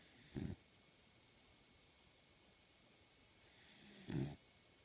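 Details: A sleepy, comfortable pup gives two short, low, snorting snores about four seconds apart in a quiet room; snoring.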